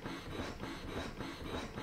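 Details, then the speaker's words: Medela Sonata electric breast pump on let-down (faster) mode, level 2: fast regular mechanical pulsing whir. "so I will let you hear the first wavelength it's it's another wavelength as well um but this is the first wave length"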